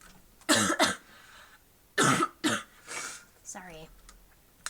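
Four short, dry cough bursts in two pairs, then a throat clear and a brief voiced sound, fitting a lingering post-viral cough with throat irritation.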